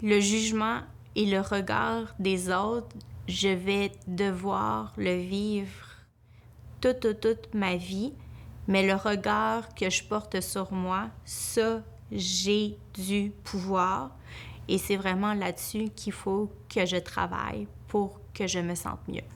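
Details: Speech of an adult woman who stutters, working as a lawyer; she says her stuttering increases greatly when she is nervous; stuttering.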